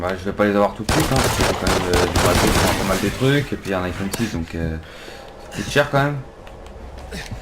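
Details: Adult male speaker; normal adult speech.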